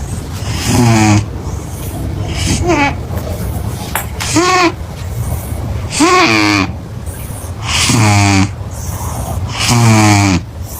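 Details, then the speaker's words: A cat snoring very loudly: loud, rattling snores that rise in pitch, about six in ten seconds, each followed by a noisy breath out; heavy snoring. "Esse gato roncando mais alto que um caminhão de mudança é a prova de que sono pesado é um dom felino. Se esse ronco fosse um alarme, ninguém dormiria até 2030."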